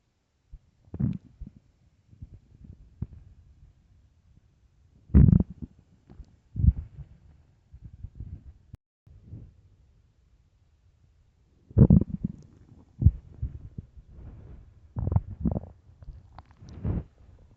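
Irregular low gurgles and rumbles with quiet gaps between them: stomach growling from hunger, a normal gut sound.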